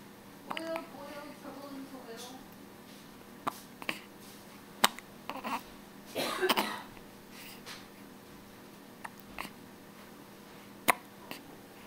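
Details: Hiccuping: brief, sharp catches repeat at irregular intervals over quiet room noise, with a short vocal sound early on; hiccups.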